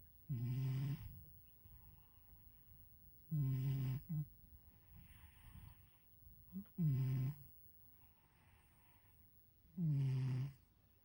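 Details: Sleeping cat snoring: four low, buzzing snores on the in-breath, about three seconds apart with quiet out-breaths between, about 20 breaths a minute.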